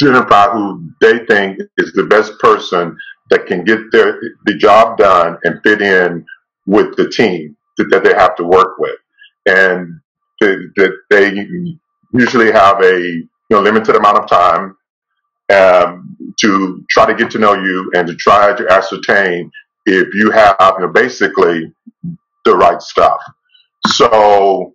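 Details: Adult webinar host who stutters, speaking with part-word and word repetitions and fillers: stuttering.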